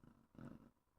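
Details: A dog, asleep and dreaming with its mouth twitching, snores in the background of a podcast recording. Snoring.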